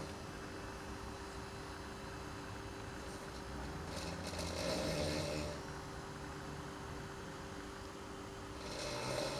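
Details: Sleeping housemate snoring at night: low, rough, rattling snores rising and falling with breathing over steady background noise.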